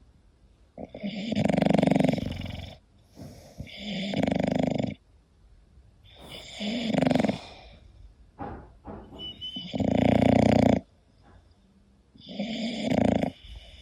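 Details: English bulldog sleeping: loud, harsh, rattling snores on each breath, about five breaths in fourteen seconds; noisy snoring.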